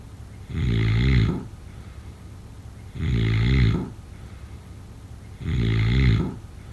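Three deep, rumbling snores, about 25 a minute and evenly spaced, with quiet breathing between; ordinary snoring.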